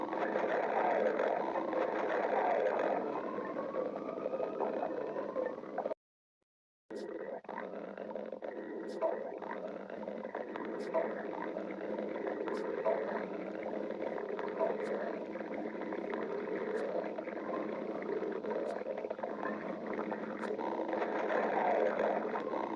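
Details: Continuous gurgling and rumbling with rising and falling squeaky tones from an adult's stomach; stomach growling (borborygmi).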